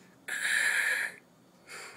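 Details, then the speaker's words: Progressing fluid overload: crackles extend into exhalation as the lower lobes fill with fluid, while early-inspiratory crackles begin disappearing; inspiratory and expiratory crackles. "the crackles will start progressing over in the exhalation phase as the lower lobes become filled with fluid, the crackles on early inspiration will disappear"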